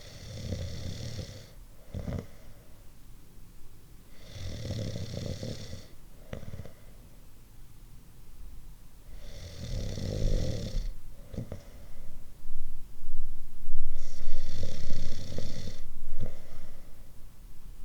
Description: Different types of snoring.